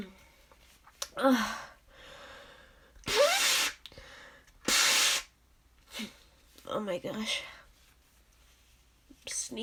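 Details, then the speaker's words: Repeated sharp allergic sneezes with exaggerated drawn-out vocal build-ups and breathy gasps between, person saying allergies are acting up and excusing themself; allergic sneezing. "oh goodness just allergies be crazy did it excuse me just been not stopped"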